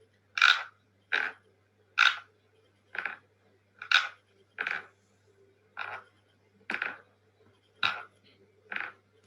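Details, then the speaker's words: Recording of a person grinding teeth during sleep, ten rhythmic gritty scraping bursts about one per second, shared in a dental lecture on masseter hypertrophy and botox: sleep bruxism. "now i want you to listen to this this is how bruxism or grinding of this during a sleep okay"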